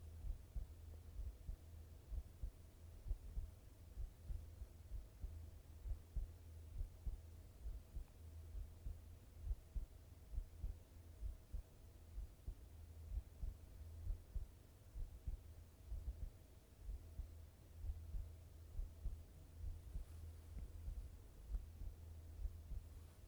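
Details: Steady low thumping heartbeat at about 66 beats per minute over a soft low hum; normal heart sounds.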